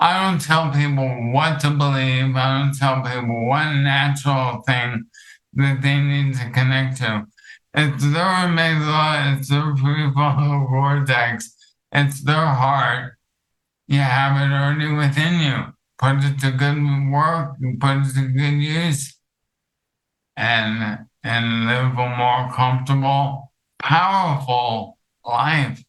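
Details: Adult man with ALS affecting his vocal cords, making long talking difficult and reducing speech clarity; dysarthria (ALS).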